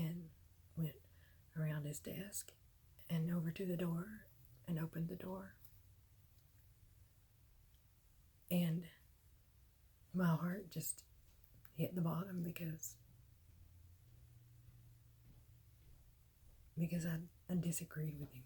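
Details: Dysphonia in an adult woman with myasthenia gravis, diagnosed May 2018 after at least 6 years of illness and worsening despite medication; she says her voice is beyond raspy now from fatigue, throat weakness and spasms.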